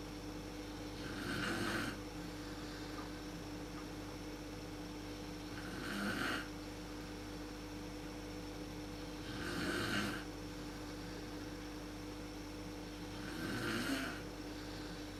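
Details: Adult woman (mother) snoring in a dark room, worst at sleep onset, recorded on a PowerShot SX130 IS camera: four loud, rough snores about four seconds apart, roughly 16 a minute, over room hum.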